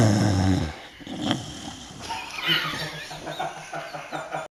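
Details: Snoring: rough, rattling breathing noises, loudest at the start, over outdoor background sound.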